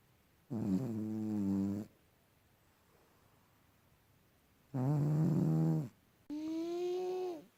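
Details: Sleeping cat snoring: loud, buzzy snores about a second long with quiet gaps between them, the last rising into a whistling tone.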